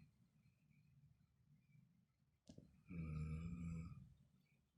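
A quiet rumbling breath, then a loud, deep, vibrating snore lasting about a second. Ordinary snoring.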